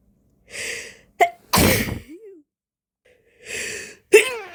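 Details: Woman with a slight cold inducing sneezes to relieve a tickle: quick gasping in-breaths, each followed by a sharp explosive burst; two sneezes.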